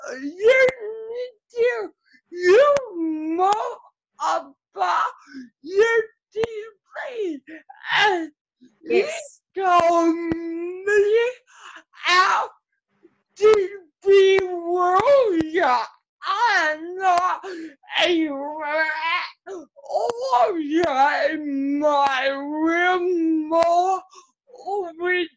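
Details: Adult woman with cerebral palsy whose muscles tighten as she gets excited; her words are hard for an automatic transcript to make out; dysarthria (cerebral palsy).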